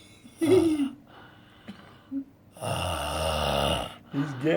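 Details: An adult roommate snoring at night, as happens every night: a long, rough, rattling snore on an in-breath, with another person's voice calling out nearby.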